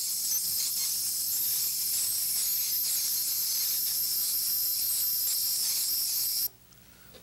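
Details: Ultrasonic dental scaler demonstrated on a tooth root surface: a continuous high hiss with faint tapping that stops abruptly, as repeated hits with the tip fracture away a hefty piece of calculus.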